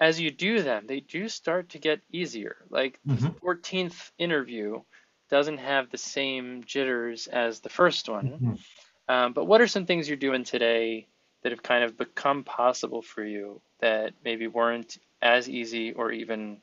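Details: Adult male speaker; typical speech.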